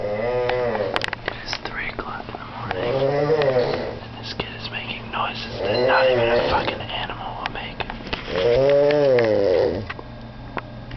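Rhythmic rattling, voiced snores with each breath, about three in ten seconds, over steady low room hum; snoring.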